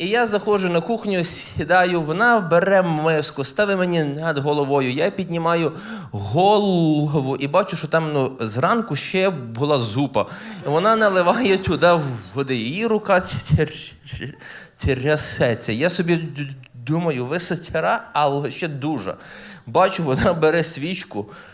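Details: Adult man who stutters, performing live stand-up comedy, with stuttering heard in his speech.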